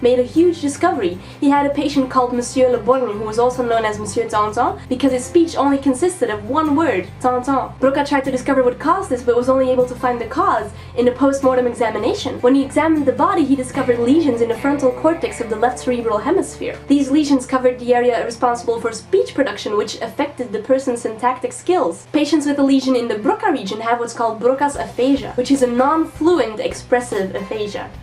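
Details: Adult woman narrating; normal fluent speech.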